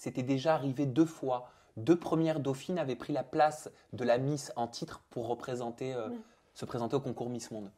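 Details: Adult speaker (interviewer); Typical speech.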